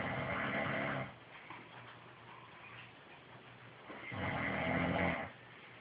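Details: Two long, loud, rattling snores about four seconds apart, with quiet breathing in between; ordinary snoring.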